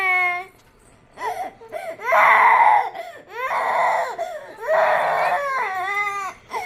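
A young child cries in loud, wailing bursts with brief pauses between them, indoors.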